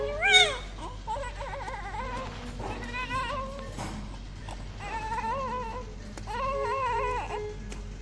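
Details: A full-term newborn baby boy after normal delivery cries with repeated high-pitched, wavering wails and brief pauses. A normal healthy newborn cry.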